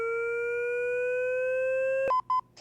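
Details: Steady rising electronic tone for about two seconds, then short repeated beeps: LIFEPAK 20e defibrillator/monitor in AED mode charging after "shock advised" and signaling ready to shock ("push to shock"); for pulseless cardiac-arrest patients at least eight years old.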